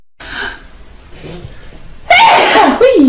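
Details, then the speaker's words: Sneezing, from a compilation of different people: a quiet breathy build-up, then a sudden loud voiced burst with a falling cry-like tail. "I have to sneeze. Excuse me. I'm about to sneeze, I think."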